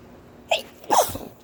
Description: Quite a bit of hitching in this one and one explosive sneeze in the mix as well!